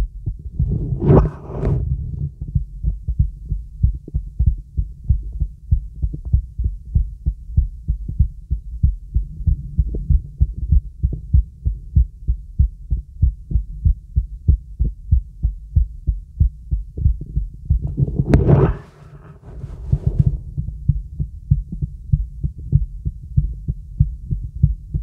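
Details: Normal heart sounds from a girl's heart, heard through a real stethoscope with the diaphragm during full-body auscultation: steady, regular low thumps, with two brief scrapes from chest-piece movement.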